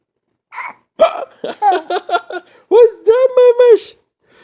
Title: Hiccups for fun